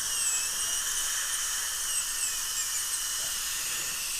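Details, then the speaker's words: High-speed dental handpiece reducing about 1 mm of labial enamel on an adult woman's worn upper central incisor (tooth 8) for a 3/4 porcelain veneer crown, deep overbite case; steady high-pitched whine with hissing water spray. "so i'm going to go about a millimeter just put a little mark there and just take it down"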